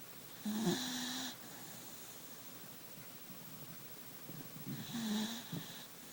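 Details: Two drawn-out snoring breaths with a faint whistling tone, separated by quiet pauses in a small room, from a sleeping Beagle puppy; snoring.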